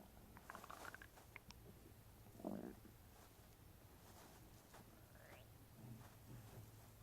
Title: stomach making noises cuz I j ate grapes